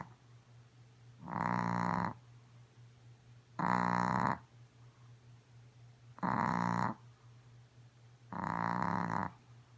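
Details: A female Chihuahua snoring loudly, as she usually does: four loud, buzzy snores at about 25 a minute, with quiet pauses and faint room hum.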